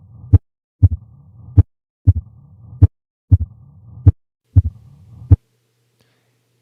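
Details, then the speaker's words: Mitral stenosis murmur heard with the stethoscope diaphragm at the apex in a teaching case: regular cycles with a sharp double sound, then a low rumbling murmur building to a loud first sound. "the sounds that classically fall into that category are a mitral stenosis murmur an s3 and an s4"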